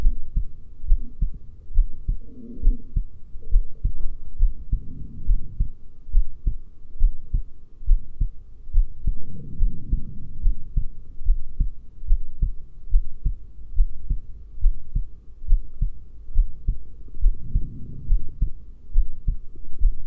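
Steady heartbeat through a stethoscope at about 69 beats a minute, with a low background rumble from the chest piece.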